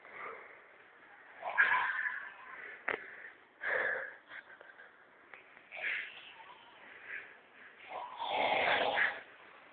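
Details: Loud, heavy snoring recorded in Benidorm in 2006, with rough, irregular breathing noises in bursts and short pauses between.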